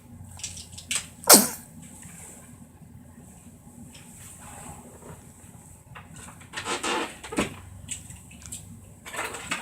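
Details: One sharp, explosive sneeze from a baby girl in a quiet room, followed later by softer snuffling and rustling; sneeze.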